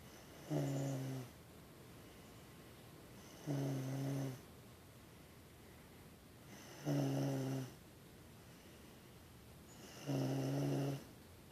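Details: Sleeper snoring: four regular, low, buzzing snores about every three seconds, roughly 18 a minute, in a quiet room; steady snoring during sleep.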